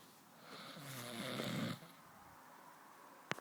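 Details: A single rough, rattling snore on an in-breath lasting about a second, then quiet and a brief click; snoring.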